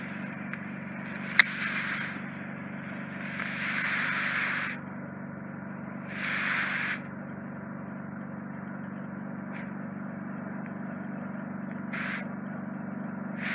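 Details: Short bursts of hissing suction over a steady machine hum as a larger lump of wax is removed from the second ear by endoscopic microsuction; client had bilateral deep occluding earwax.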